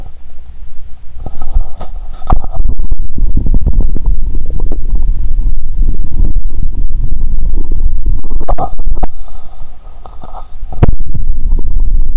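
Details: Stethoscope over the abdomen after drinking cola with Mentos, back from the toilet, belly feeling bloated: loud continuous gurgling and rumbling with bubbly pops; active bowel sounds (borborygmi).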